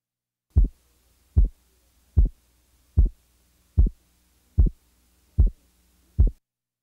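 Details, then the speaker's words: Split second heart sound with a 50 ms splitting interval; regular heartbeat near 75 a minute with two close parts of S2. "the following example represents a second sound splitting interval of 25 milliseconds now listen to a second sound splitting interval of 50 milliseconds"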